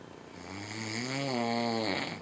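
A single long, rising vibrating snore on one breath.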